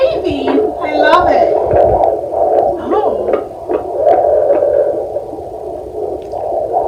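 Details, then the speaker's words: Normal fetal heartbeat on a handheld fetal Doppler with gel, probe placed over what is thought to be the baby's back, active moving baby: rapid whooshing beat at about 140 a minute, within the normal fetal range. "so usually we count this for um a minute and just listening to it it's like 140s there we go i love the sound of heartbreak it's so amazing"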